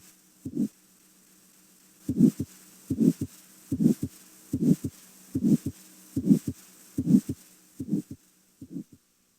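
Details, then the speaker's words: Carotid bruit heard with stethoscope over the carotid artery during patient breath-hold: regular whooshing vascular murmur at about 73 per minute, suggesting arterial narrowing. "listen for a brewery which is a whoosing murmur likee sound of vascular rather than cardiac origin a brewery suggests arterial narrowing"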